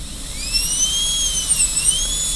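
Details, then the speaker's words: High-pitched high-speed dental handpiece whine, rising and wavering under load, during the first gingival extension of a class II disto-occlusal preparation on tooth number 5, in student training. "cut away from that side, put the burr against this wall, drill a hole, cut away from this side."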